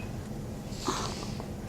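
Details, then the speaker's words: Baby boy's first sneeze: a single tiny, soft, snorting sneeze over steady room noise. "so perfect his first sneeze I got it"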